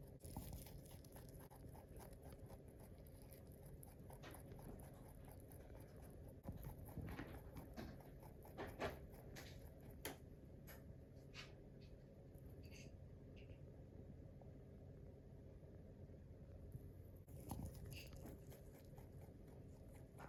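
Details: Rabbit grinding its teeth gently after eating ("tooth purring"): soft, scattered clicking and gritty crunches, a contented sign.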